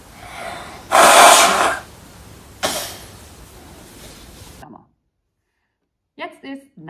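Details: A woman's loud sneeze, then a second shorter sneeze or snort over steady room hiss and brief faint voices, during nose-blowing before a coronavirus test.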